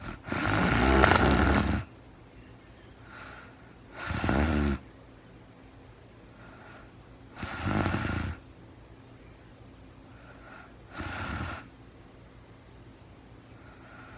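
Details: Real-time recording of a sleeping woman who was very tired: rattling snores on each inhalation with quieter breaths between, about 14 breaths a minute; ordinary snoring in sleep.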